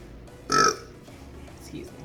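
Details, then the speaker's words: A single short, voiced burp over quiet room noise and faint music, after drinking soda in a name-brand versus off-brand pop taste challenge; ordinary belch. "so yeah expect burping in this video course"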